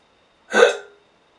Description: Ever get stuck with the hiccups and not know how to get rid of them?